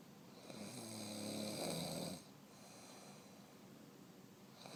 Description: Caught my wife snoring again, man she keeps me up doing this. Great Video of my wife just sawing logs, snoring very loud was able to catch her and film her, the greatest part she doesn't know I did, Surprise Honey:)